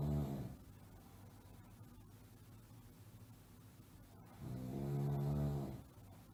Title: Snoring Sound Effect Schnarchen Geräusch Sound